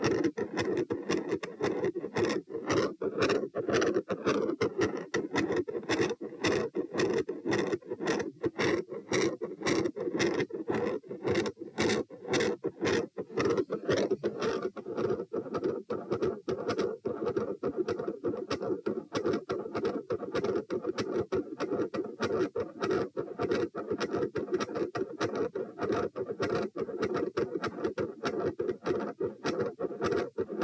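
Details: Heart sounds recorded at position P as the subject moves from supine to standing start out normal, then a continuous machinery-like murmur fills the cycle after standing.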